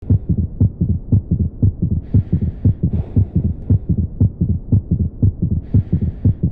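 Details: Third heart sound (S3) gallop: fast, regular heartbeat of about 118 a minute, with a soft extra low thud after each second sound.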